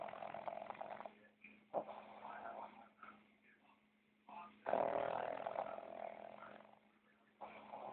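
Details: Snoring in a resting animal named Mao, eyes open: irregular snorting, fluttering breath noises with pauses, recorded close up.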